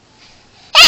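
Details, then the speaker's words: Young child shows her hiccups on request: after near silence, one abrupt, sharp hiccup-like gasp, possibly faked. "that's a hiccup are you faking it"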